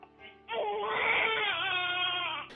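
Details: Single sustained infant cry, high-pitched and tonal, rising then falling over about two seconds, featured with a Greek app that translates baby cries; infant cry.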